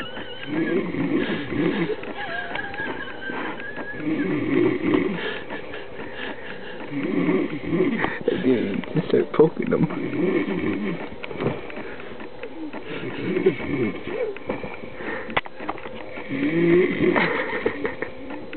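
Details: Overweight, drunk man who passed out mid-sentence, with repeated rough, fluttering snores about every two to three seconds and low vibrating breaths; snoring.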